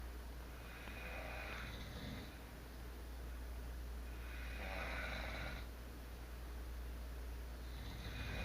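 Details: A parent, one of a couple of habitually loud snorers, snoring in sleep: slow rasping snores over a steady low room hum, roughly three breaths in the span.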